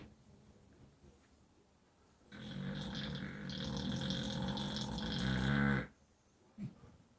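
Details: Sleeping pit bull ('pibble') dog in a quiet room: one long, rough, rattling snore lasting a few seconds; snoring.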